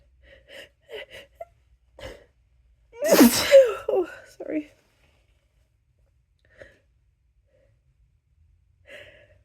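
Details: In a run of repeated apologetic sneezes: a sharp inward gasp runs into one loud explosive sneeze, with brief vocal sounds before and after.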